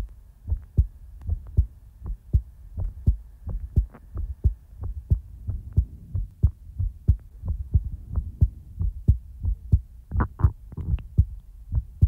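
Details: Steady low thumping heartbeat at about 90 beats a minute, paired beats with no added noises, recorded for ASMR in real time; normal heartbeat.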